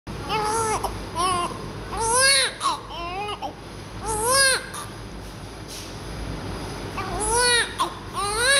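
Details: Repeated rising-falling wails from a newborn being cleaned after birth, with adult voices and room noise in the background; an ordinary newborn cry.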